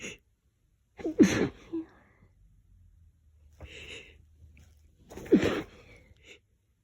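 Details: Person sensitive but not allergic to lavender sticks face into a lavender-scented pillow: two forceful sneezes, each preceded by a catching inhalation, with sniffing between.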